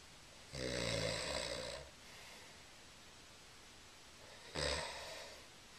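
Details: Man snoring in sleep, told to roll over, recorded on a Flip Video camera: a long, rattling snore on the breath in, then a quiet breath out and the start of the next snore, over faint room noise.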